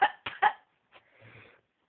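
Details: Three quick cough bursts, then a short breathy sound and a quiet exhale, from an adult who says they are sick.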